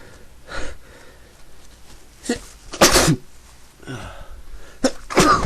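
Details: Several explosive sneezes in quick succession with quick breaths drawn between, from a person who says they have been sneezing all day and cannot stop; repeated sneezing.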